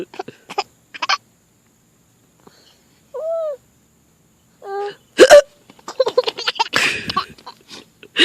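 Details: A mother's hiccups: two short, sharp hiccup sounds from an adult woman, each followed by her baby's bursts of laughter.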